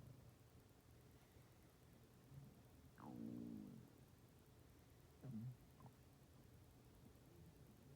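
Faint low rumbling with two short gurgles over quiet background hiss. This is ordinary stomach growling.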